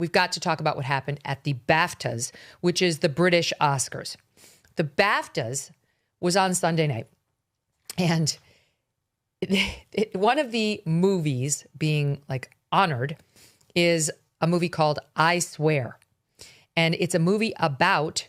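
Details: Adult speaker; normal speech.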